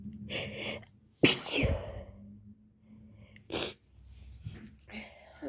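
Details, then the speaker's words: A woman with a cold, who says she also has allergies, has a sneezing fit she cannot hold in: a short run of forceful sneezes with breathy build-ups and sighs between them. "Oh, guys, I can't stop. I'm trying to hold in my sneezes, but it doesn't work, you guys."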